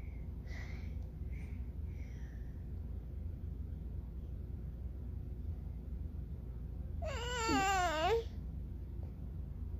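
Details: Real infant crying: a few soft whimpers, then one short, wavering cry over a steady low room hum; the baby stops when filmed.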